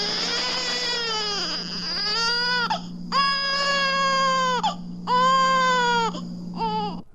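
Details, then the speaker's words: Young infant crying from hunger, from a 1967 recording of babies' sounds for expectant and new parents; a normal infant cry. "Here is the most commonly recurring crisis in the life of young infants. Hunger. Stark hunger."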